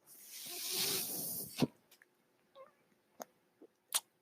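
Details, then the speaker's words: A podcast host's own mechanical ventilator is heard during his spoken intro: a rising hiss of delivered air, then a thump and several sharp clicks, one ventilator breath cycle. "hello everyone my name is that noise you're hearing my ventilator and thank you for tuning into Bates Turner's they were not my stories podcast"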